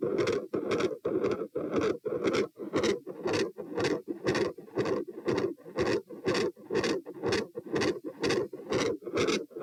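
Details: Heart sounds recorded at position P during a stress test (sitting, standing, lying; 90-126-72 bpm): fast regular beat near 120/min with harsh machinery-like murmur and loud S2.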